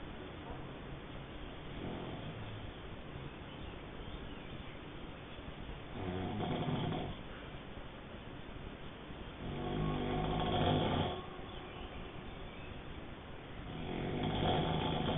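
Rough, rattling snores on inhalation, about four in 15 seconds, with quiet breathing between; typical snoring.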